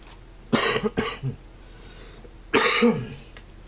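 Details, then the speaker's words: Residual cough in an adult recovering from a rough viral infection the week before, heard while the person is speaking during a live stream. "and as you can hear it's I still have a residual cough"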